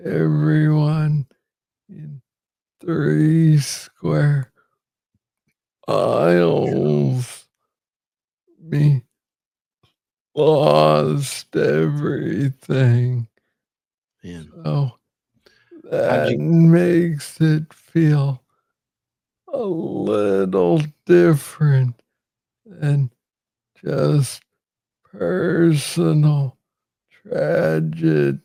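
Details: Adult man with Parkinson's disease diagnosed in 2014 at about age 35, first misread as tennis elbow; slow speech from Parkinson's disease.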